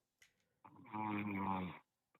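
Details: Podcast caller in Japan fell asleep on a live call at almost 4 a.m. and was heard snoring over the line.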